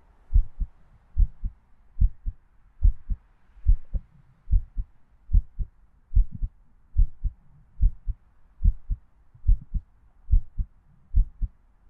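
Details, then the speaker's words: Normal heartbeat in a role-play sleep-aid heartbeat recording. "Yes, my heartbeat is much like yours, cutie. Demons and humans, we're really not that different."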